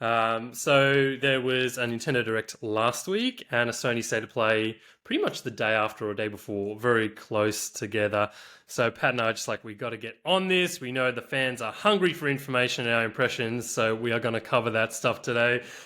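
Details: Adult male speaker; normal speech.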